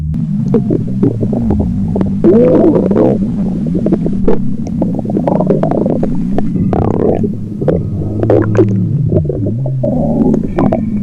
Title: Stomach Growl